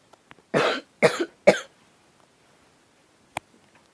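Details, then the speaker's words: Three short, fairly dry coughs in quick succession, then quiet, from a girl with an acute cold with sore throat, runny nose and cough, no fever; recorded in the morning; cough. "Но у меня... Ой, у меня и горло, и насморк, и кашель."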